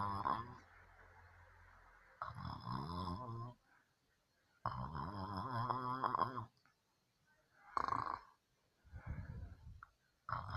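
Rough, fluttering snores recur on each breath, with short silent gaps between them. Snoring during sleep.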